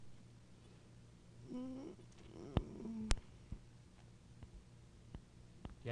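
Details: Female patient attempting to speak during a neurologic exam, with dystonic dysarthria; the dystonia also causes swallowing difficulty.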